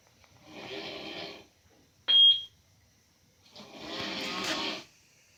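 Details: Heavy snoring from an uncle: two loud, rough, rattling breaths with a brief sharp sound between them.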